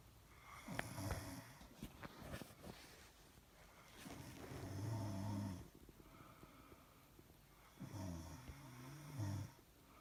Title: Starting engine snore